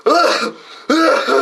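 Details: Adult man gives two deliberate, voiced cough bursts separated by a brief pause in a joking demonstration of how to cough properly; voluntary cough.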